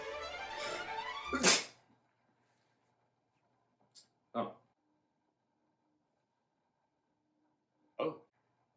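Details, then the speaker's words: One sharp, explosive sneeze after a brief musical passage, followed later by two small faint bursts; long-awaited sneeze, with the sneezer reporting his nose and head hurting beforehand. "you okay yeah yeah i just i gotta sneeze but it's it's not yeah yeah i can tell it's it's kind of starting to hurt what your nose yeah and my brain your brain yeah my brain why does it hurt no clue you"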